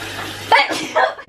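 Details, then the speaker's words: Sneezing: a low steady hum, then a sudden voiced burst and a second sharp release, like an 'ah-choo'; person reports sneezing a lot and feeling hot. "Also, I've been sneezing a lot."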